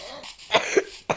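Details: Three short, dry coughs over faint room hum from a boy apologizing for his cough while recording a Minecraft video; ordinary cough.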